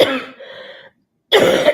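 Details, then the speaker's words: Adult coach who has been unwell, coughing during a live broadcast: two harsh cough bursts, the first trailing into a voiced, throaty tail, separated by a brief pause; plain cough. "And again, I apologize for all the coughing and everything, but I had to get on."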